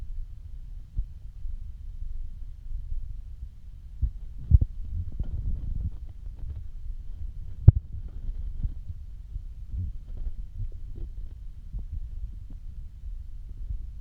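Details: Stomach growling after almost 24 hours without eating: low, soft gurgles and rumbles coming and going irregularly over quiet background; hunger borborygmi.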